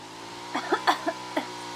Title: cute bgmi streamer coughing a lot ❤️